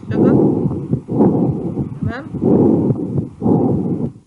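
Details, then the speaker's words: Chest auscultation teaching example: harsh, hollow breath sounds with long inspiration and expiration and a clear gap between them, as if the patient pauses; bronchial breath sounds, contrasted with vesicular. "سامع انسبيريشن واكسبيريشن طويل وبينهم جاب، كأن العيان وقف نفسه بين الانسبيريشن والاكسبيريشن. ده صوت البرونكيال وده الفيزيكولار."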